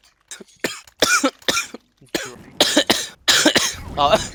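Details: An adult man coughs nonstop while playing CSGO, about ten times in quick succession, barely pausing between bursts: repetitive coughing.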